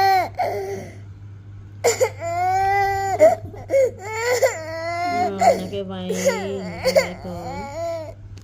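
A baby cries in rising and falling wails with catches between them, adults talking in the room, and a steady background hum.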